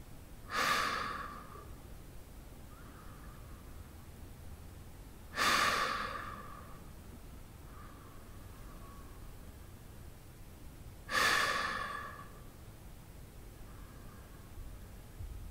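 Slow, deep breaths about every 5 to 6 seconds, roughly 10 a minute, each with a soft sighing exhale. Normal sleep breathing.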